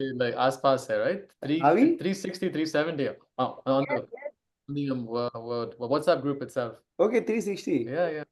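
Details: Adult who stammers and co-hosts an online stammering self-help group meeting; stuttering.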